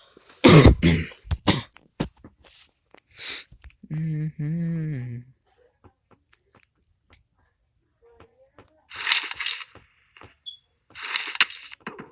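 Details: Several sharp coughs close together at the start, then a brief voice and bursts of video-game gunfire; a plain cough during gaming.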